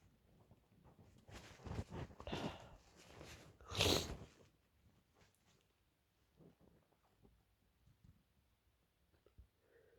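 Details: Sudden sneezing fit: several sharp, noisy sneezes in quick succession, loudest near the middle, then quiet sniffing.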